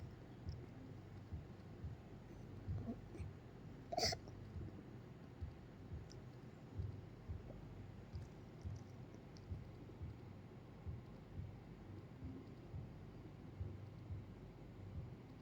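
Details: Cat having an episode that could be reverse sneezing or coughing, uncertain which: quiet, repeated hiccup-like snorts and one sharper burst.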